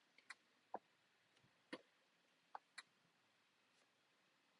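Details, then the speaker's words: Teaching example for nursing exam: scattered low, bubbling pops over quiet breathing, likened to Velcro being pulled apart, from fluid-filled lower-lung alveoli as in pulmonary edema or pneumonia; coarse crackles. "那粗爆裂音听起来就像是在试这个魔鬼毡，考试有可能就这样描述。"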